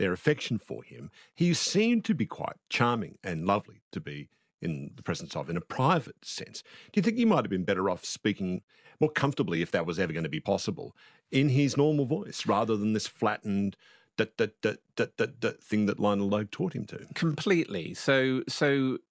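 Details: Adult male interviewer; normal fluent speech.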